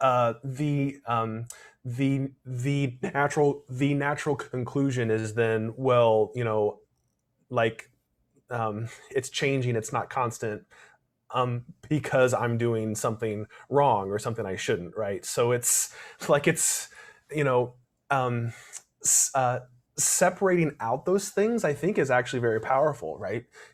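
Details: Adult male speaker; stuttering.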